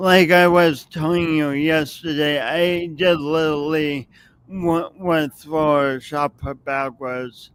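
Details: Adult with a long-standing speech impediment, audible whenever they speak and present for many years; speech impediment.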